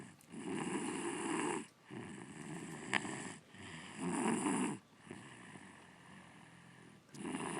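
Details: Snoring in a sleeping 6-year-old girl, loud in person: rough, noisy breaths recurring about 19 times a minute, each lasting over a second.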